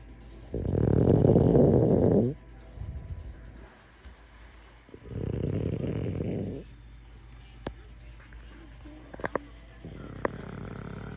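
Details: Sleeping French Bulldog, possibly dreaming, snoring: two loud, rough, low snoring breaths with quieter breathing between them and faint background music.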